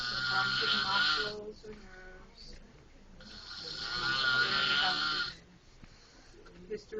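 Two long, harsh, whistling snoring breaths with quieter breathing between them; snoring.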